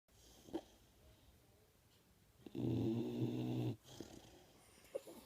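One loud, rough, low rattling snore lasting about a second, between quieter breaths; ordinary snoring.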